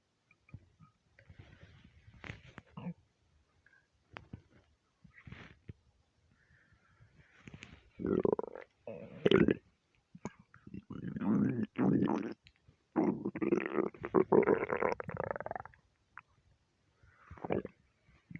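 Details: Loud stomach rumbling, or borborygmi, when half hungry and half gassy from eating too much: gurgling, bubbling rumbles in bursts, loudest in the second half, with quiet gaps.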